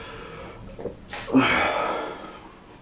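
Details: Person with painful allergies sneezing: a quick inward gasp followed by a single loud sneeze.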